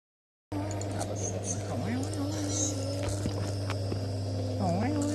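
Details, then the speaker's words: Child with cough and cold receiving nebulizer (steam inhalation) therapy by mask from a white rectangular machine with a long hose: steady low motor hum of the running compressor, with the child's voice and background music. "Tuh kan tadi berisik suaranya itu suara mesin uapnya bentuknya segi empat warna putih ada selang panjangnya yang itu maskernya"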